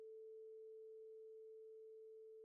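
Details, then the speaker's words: Steady pure tone of a vibrating tuning fork held beside the patient's ear after bone conduction at the mastoid, the air-conduction step of the Rinne test distinguishing conductive from sensorineural hearing loss. "Patients with conductive hearing loss are no longer able to hear this sound since air conduction is severely impaired."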